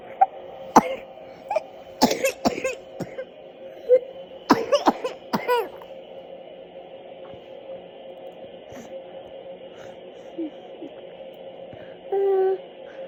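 Several short, sharp coughs in brief clusters, then a quiet stretch with a steady background hum.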